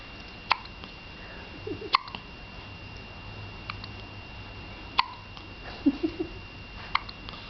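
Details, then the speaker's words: Infant with hiccups: four sharp, brief hiccup clicks at irregular spacing, with soft infant noises in a quiet room. "oops. Bless you. You got the hiccups? Uh-oh."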